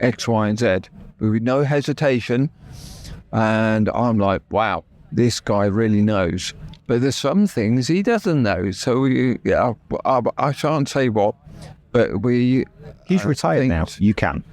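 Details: Adult male, real (not acted), with persisting aphasia after a stroke that paralysed his right side; he had to relearn speech and left hospital able to say only three words; finding: aphasia after stroke.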